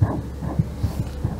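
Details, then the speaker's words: Fetal ultrasound, pulsed-wave Doppler gate placed at the aortic isthmus, showing its characteristic nadir: rapid whooshing pulses at about 150 per minute under a steady hum; fetal aortic isthmus Doppler flow. "ver ustedes acá tengo el nadir que es característico del istmo ártico"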